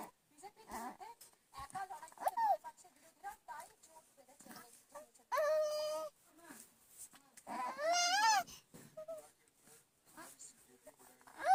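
Fussing whimpers build into two short, high, wavering cries from a baby in a quiet room; ordinary infant crying.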